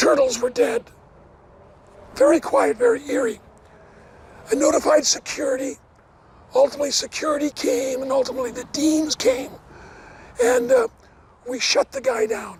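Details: Adult male never-smoker with two bouts of vocal cord cancer, probably from secondhand smoke; one third of the vocal cords removed in 2008, leaving a raspy voice; dysphonia after partial vocal cord resection.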